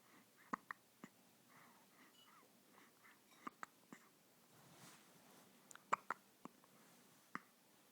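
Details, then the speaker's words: Baby boy's hiccups, said to sound like a little froggy: quiet, sharp little clicks and catches at irregular intervals with soft breathing and adult whispering. "do you have the hiccups? Here you go. He sounds like a little froggy."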